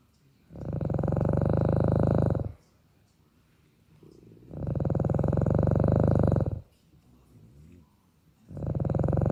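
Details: Snoring in sleep: loud, steady, buzzing snores about two seconds long, one roughly every four seconds, about 15 breaths a minute.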